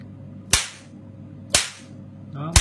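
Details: Picosecond Nd:YAG tattoo-removal laser, with interchangeable 1064 nm and 532 nm heads and adjustable spot size, firing pulses: sharp, loud snapping clicks about once a second, each with a short hissing tail.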